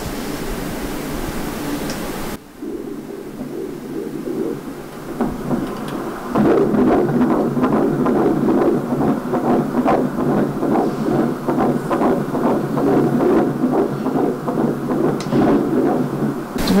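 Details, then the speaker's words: Fetal heartbeat on Doppler during a prenatal consultation in the fifth month of pregnancy: rapid rhythmic whooshing over Doppler hiss, about 140 beats a minute, a normal fetal rate. "des choses qui est précieux ce sont c'est le cœur du bébé on le voil là on peut l'écouter"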